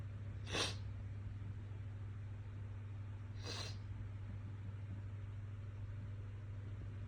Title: Itchy Nose and Tickly Sneezes